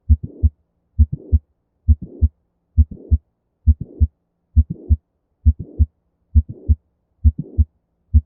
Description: Mitral Valve Prolapse is described as a mid-systolic click usually accompanied by a late systolic murmur.